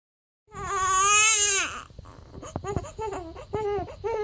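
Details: Baby boy crying with a strong wail, then shorter broken cries and sobbing gasps, as his mother calms him by breastfeeding; infant cry.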